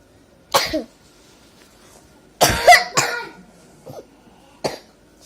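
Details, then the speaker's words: Child with a hard cough during rainy season, around 5 pm, taking a children's cough syrup: four forceful coughs, one a quick double burst, with throat-clearing quality in a quiet room. "Lagi hujan, lagi sore jam kayaknya jam 5. Aku lagi batuk keras banget."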